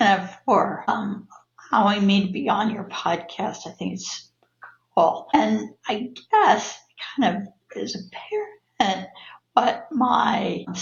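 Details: Adult woman with neurological spasmodic dysphonia with abductor and adductor features; voice worsens with stress; spasmodic dysphonia.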